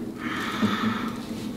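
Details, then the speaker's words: Child with sore throat and fever takes a slow, deep breath in and out through the mouth during lung auscultation on the back: soft steady rush of air, ordinary deep breathing. "big breath so as big as you can in and out your mouth again try to do a quiet one like this good job again"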